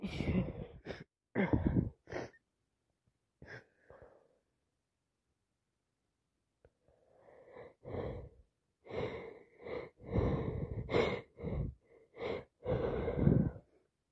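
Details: Several sneezes followed by a run of repeated sniffing and breathy exhalations: sneezing and sniffling with a snotty common cold.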